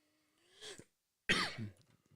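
A faint rising whistly tone and a short throaty sound, then one sharp, harsh cough burst: a single adult cough.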